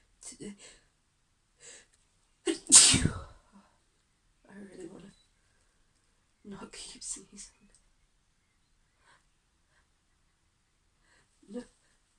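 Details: Sneezing fit in a female: one strong sneeze among quieter sniffs and muffled sneezes in a quiet room; she says she can't stop sneezing.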